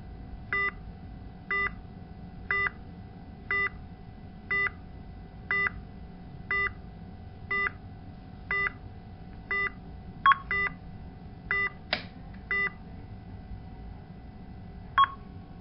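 Patient monitor alarm tones beep regularly about once a second over a steady hum, with a few extra distinct alerts.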